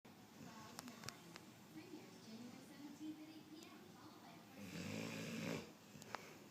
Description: Nero is a Cane Corso/mastiff cross. He was 15 weeks old when this was taken but he still snores just as bad.